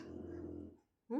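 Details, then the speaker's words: Shar Pei dog snoring loudly all night, "like a grown man" or a tractor. "Вы слышите, как он храпит? Рэй храпит, как взрослый мужчина."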